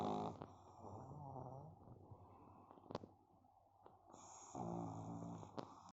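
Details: Pari, a sleeping pug: soft rumbling snores with snorting breaths in a quiet room; snoring in a flat-faced dog.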